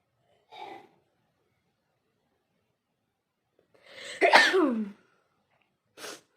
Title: noss blowing and sneezing 🤧 challenge video